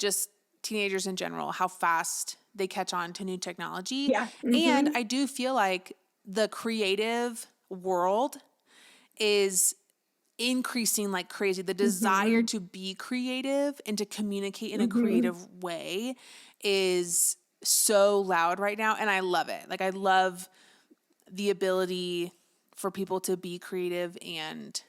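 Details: Adult woman speaking; normal speech.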